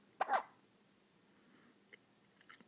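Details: Sudden short vocal catch and brief squeak followed by quiet and faint sounds from an infant boy; hiccups.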